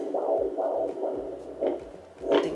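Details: Home fetal Doppler (Sonoline B) on a pregnant woman's abdomen with gel, the baby girl kicking and moving: rhythmic whooshing fetal heartbeat pulses that fade and shift as the signal drifts.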